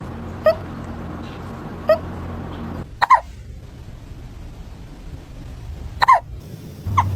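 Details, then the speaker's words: Cat hiccupping after eating food too fast; short, sharp, squeaky catches repeating several times over low background hum; hiccups. "Do you have the hiccups?"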